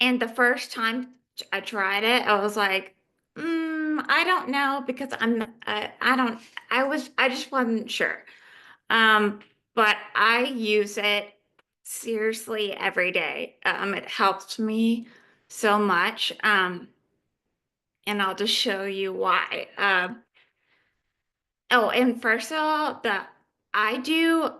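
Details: Adult woman living with aphasia; aphasia.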